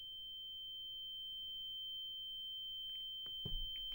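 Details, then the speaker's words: Simulated tinnitus for audio drama sound design: a steady, thin high-pitched tone, a generic tinnitus hum layered with a singing bowl, ringing over quiet room hum. "So, with the singing bowl, I also added in just a generic sort of tinnitus hum here. Just thought I'd go a bit Hollywood and add that"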